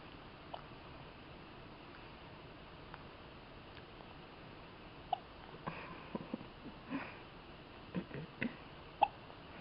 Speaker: Hiccuping and yawning and tooting. All these things.